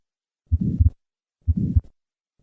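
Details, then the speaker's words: Innocent systolic flow murmur: two heartbeats at about 62/min with a soft systolic murmur peaking early in systole, reflecting a normal aortic flow velocity profile, unlike the late-peaking murmur of aortic stenosis. "Notice how the innocent murmur peaks early and cy and compare that to the late peaking of aortic stenosis. First, the innocent murmur"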